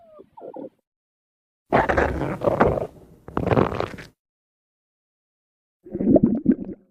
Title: minimal stomach growl 5